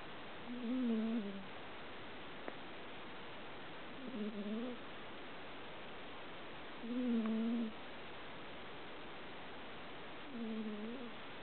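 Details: Four soft, droning snores at regular intervals, about 20 breaths a minute, in a quiet room: a female cat snoring during sleep.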